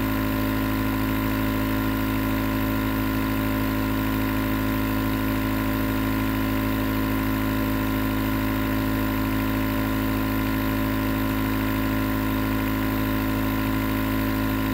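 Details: Continuous nebulizer compressor running, recorded as white noise for sleep: steady mechanical hum with a low motor drone and a faint hiss, unchanged throughout.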